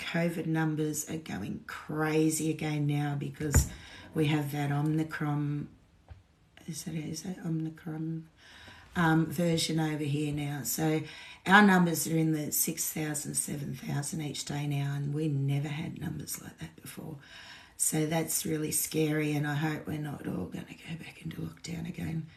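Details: Woman with essential tremor present since birth, diagnosed at 27, head and hands shaking all day; voice shakier than normal after two days of drinking alcohol, with withdrawal shakes added; essential voice tremor.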